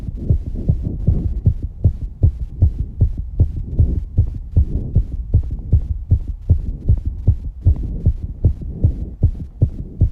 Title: Fast 19 year old girl Heartbeat and Heavy Breathing After Exercises and some breathing holding.